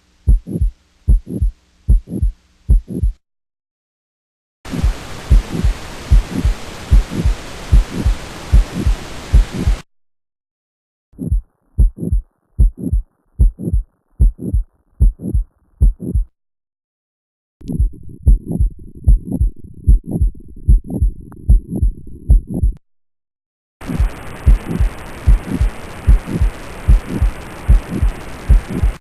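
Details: Regular heartbeat near 74 a minute with a soft murmur coming late in each systole, after a quiet early part: late systolic murmur.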